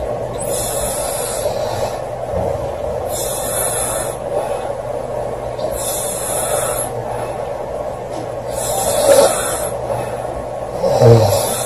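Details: Girl snoring loudly during sleep: regular breathy snores about 20 a minute, each with a hissing rasp, over a loud steady fan-like hum; snoring.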